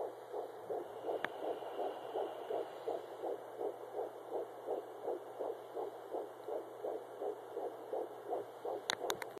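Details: Fetal heartbeat at 10 weeks 4 days of pregnancy, heard by Doppler as rapid, regular whooshing pulses at about 165 a minute.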